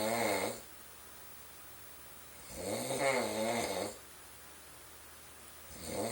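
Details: Boyfriend snoring through the night, loud enough that his partner needs earplugs or cotton balls, which don't always help; loud, rattling snores on each inhalation, about three every six seconds, with quiet pauses between.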